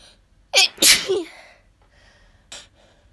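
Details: Sneeze from a nose tickle: one loud explosive sneeze with a sharp hiss and voiced release, then a softer short burst, in a quiet room; sneezing.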